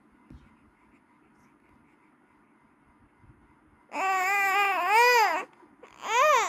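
Quiet room, then a loud, high-pitched wailing cry with rising and falling pitch, a pause, and another cry begins.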